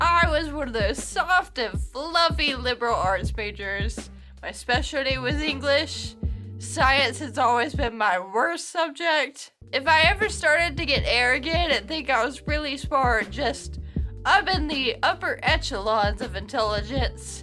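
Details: adult woman with Friedreich's ataxia, a genetic, progressive neuromuscular condition she says affects her speech, mostly uses a wheelchair; ataxic dysarthria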